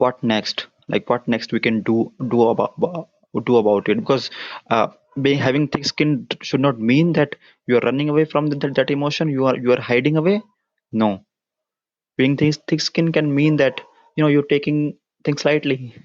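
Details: Adult man, a self-described person with a stammer, with audible part-word and word repetitions; stuttering.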